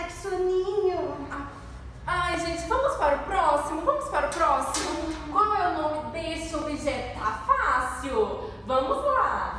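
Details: Adult woman speaking; No speech disorder.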